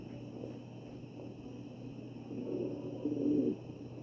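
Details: Wheezing heard on chest auscultation of a real ventilated patient (sample 2).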